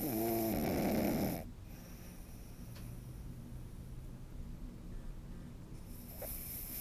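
One short, buzzing snore followed by quiet breathing and faint room noise; a small flat-faced puppy snoring in sleep.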